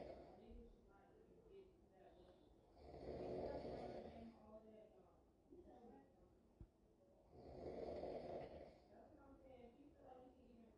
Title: Snoring is the ringtone in this house